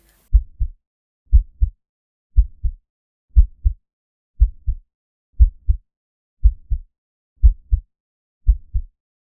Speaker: But cadetus is a bit different. It actually follows the rhythm of your heartbeat.